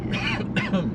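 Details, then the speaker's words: Adult in a moving car who swallowed wrong and got a throat tickle: two quick, throaty cough bursts with car-interior noise behind. "I swallowed wrong, so I started coughing."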